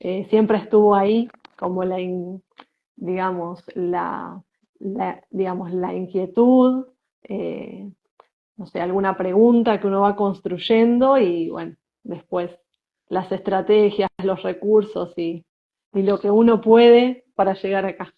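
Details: Spanish-speaking woman who identifies herself as a person who stutters, in conversation with a speech therapist; stuttering.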